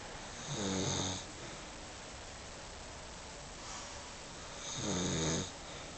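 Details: Person caught snoring while sleeping with someone in their arms: two loud, rough, vibrating snores on breathing in, about four seconds apart, with quiet breathing between.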